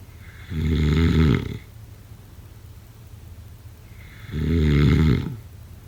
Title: #snoring #sleepnoises #snoringasmr #sleepsounds #snoringsleepingsoundeffect